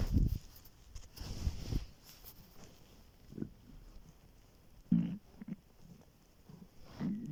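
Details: Very hungry student's empty stomach recorded on waking in the morning: soft, low gurgles and rumbles in short bursts over quiet background. Normal hunger stomach growling (borborygmi).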